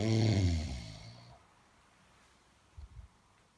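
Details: Drunk man snoring: one loud, deep, rattling snore fading into a quiet pause, then soft low breaths.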